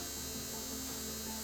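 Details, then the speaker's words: Wireless electric toothbrush with ultrasonic dental calculus remover, switched on during unboxing to show vibration: steady electric buzzing hum with a high-pitched whine. "Good vibration. And by touching you can change the option. So this is unboxing of wireless electric toothbrush."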